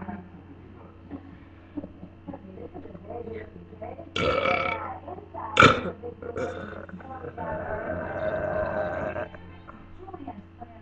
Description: Really long burps!! leave comment